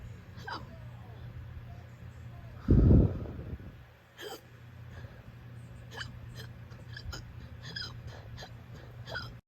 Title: uncontrollable hiccups at 5am